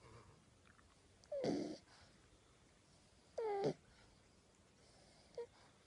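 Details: 10-week-old French Bulldog puppy snoring while asleep with his tongue sticking out: two high, whistling squeaks on the in-breath in a quiet room.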